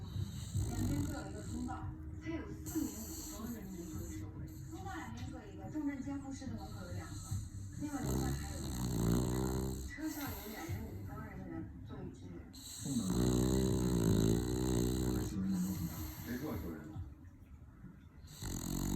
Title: Snoring at 100 dB while eating imaginary bacon.